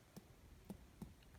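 About five separate soft finger-tap thuds on the abdomen in a quiet room; percussion notes of tympany and dullness.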